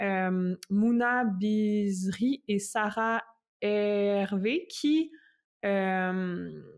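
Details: Adult French speaker who stutters, a doctoral student in speech-language pathology, whose stuttering includes blocks with eye closing and head movements; stuttering.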